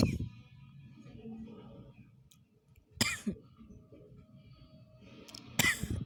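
Two abrupt coughs against a low rumble of room noise and faint background music.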